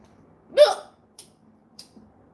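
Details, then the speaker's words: Person with hiccups not brought on by eating, though often getting them from potatoes; a single sharp voiced gulping hiccup with a quick catch; hiccups. "I can't even make them stop. Hiccups are like the world mystery."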